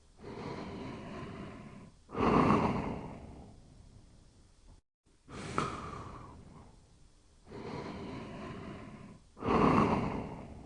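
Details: Toby sleeping with slow, regular noisy breaths and louder rasping inhalations about every four seconds: quiet snoring.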